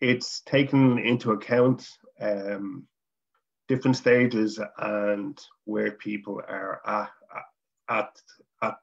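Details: Adult man from Dublin, Ireland, who stutters, speaking English; stuttering.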